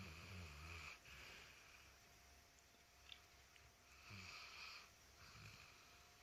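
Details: Sleeping snorer in a quiet room: soft, low, rasping breaths recurring every few seconds with faint snoring vibration on each breath; snoring.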